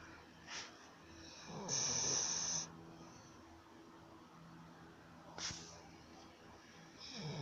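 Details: Sleeping female dog snoring: soft noisy breathing with one louder, hissing snore-like breath and brief snorts over room noise.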